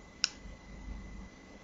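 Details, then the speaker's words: Single sharp click in a quiet room as the button on a Clinical Guard 300D fingertip pulse oximeter is pressed to switch the display orientation. "So now the one thing you can do, and I'll try to do this where you can actually see it, is I can switch the display."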